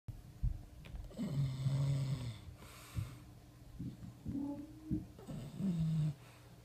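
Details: Sleeping bulldog being investigated by a cat: loud, rattling snores, about three noisy breaths with low fluttering tones on each inhale; snoring in a flat-faced dog.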